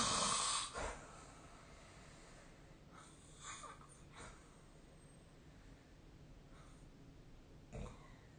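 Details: Loud rough snort, then fainter rasping breaths recurring every few seconds over quiet room noise during sleep; snoring.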